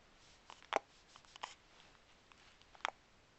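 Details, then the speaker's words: Tired girl with hiccups, recorded with a Flip Video camcorder: two sharp, brief clicks with faint smaller ones between them in a quiet room. "has the hiccups. And she's tired. She's really tired."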